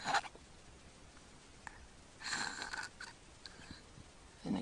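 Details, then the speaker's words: Sleeping infant, mouth-breathing, not congested, recorded February 6, 2009; brief snorting, gulping breaths separated by pauses where breathing stops, gasping for air; obstructive sleep apnea with snoring. "you can hear him snoring he's breathing through his mouth nothing's nose and he's not congested now okay there he goes saw that no he's gasping for air the breath they took beforehand he was actually not getting anything into his lungs"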